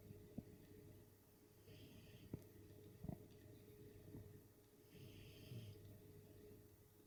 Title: Dog, Snoring